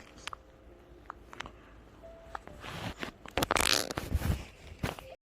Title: 생후 1일차 첫 재채기♥♥